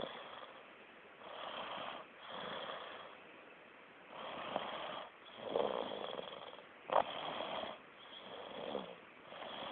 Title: snoring